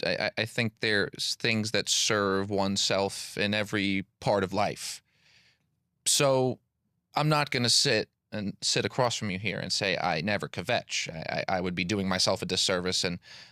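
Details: Adult man with stuttering, a PhD engineer and public speaker who has stuttered since childhood; word and part-word repetitions.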